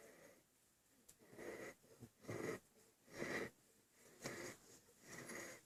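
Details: Infant (Andy) breathing hard: loud, noisy breaths in a regular rhythm with a wheezy, rattly edge on each cycle; laboured breathing.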